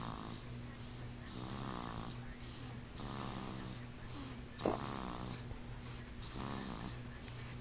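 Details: Baby boy snoring while asleep: loud, rough, rattling snores on each in-breath, about four in seven seconds; surprisingly deep and heavy for an infant.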